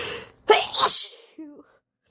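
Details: Adult woman sneezing after repeated wet stifling attempts with snorts and panting: a single forceful, explosive, desperate sneeze followed by a brief vocal sound.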